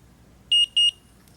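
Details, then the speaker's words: Omnipod insulin pump pod being filled with insulin during a site change: two short, high electronic beeps over a quiet background, confirming the pod is filled before priming. "you'll hear two beeps and then hit next and now it is PR priming once it is done priming you will hear two beeps and then you can pick up your pod"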